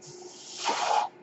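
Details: Soft airy hiss builds into a stronger whoosh of air lasting about half a second, then cuts off, from the male podcaster's own ventilator, heard during his speech; a mechanical ventilator breath.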